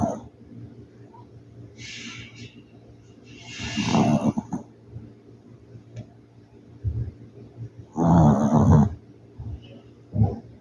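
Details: Rough, rumbling snores with quieter breaths between them from a sleeping city-dwelling pet dog; ordinary snoring.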